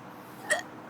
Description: Mad hiccups